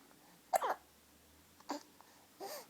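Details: Sleepy hiccups in a 9-week-old when very tired: three short, sharp hiccups about one a second in a quiet room.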